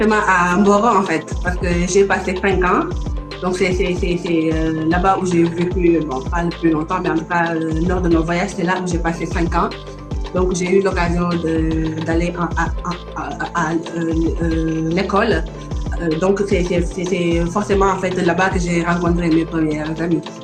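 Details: Adult woman from Senegal now living in France who has a stutter; stuttering.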